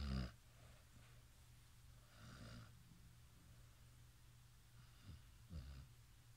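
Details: Low rumbling snores with soft snorting breaths over steady room noise; snoring.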